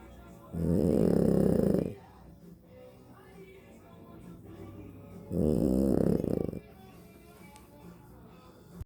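Two loud, rough, low vibrating snores on inhalation, roughly five seconds apart, over faint room noise; snoring.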